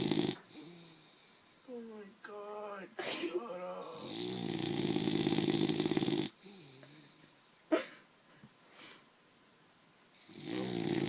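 Irregular snorting, rattling snores with whistly, squeaky breath noises; a short-nosed dog snoring in its sleep.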